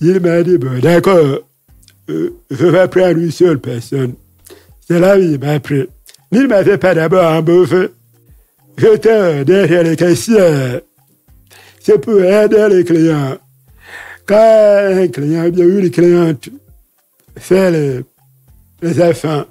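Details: Deaf speech in a man who lip-reads, whose hearing loss followed a childhood illness; he says his voice has not been normal since then, speaking French.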